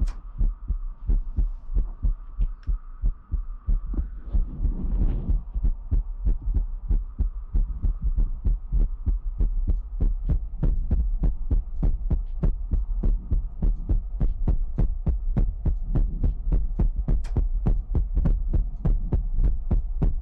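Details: Heartbeat sound in a Chinese ASMR livestream featuring mouth sounds, ear picking and water drops: steady deep thumps at about 97 a minute under a low hum.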